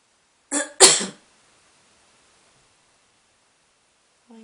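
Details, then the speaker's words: Adult gives two quick, harsh coughs followed by a few seconds of quiet, while talking to a pet cat apparently annoyed by the coughing. "Do you get very upset when I cough?"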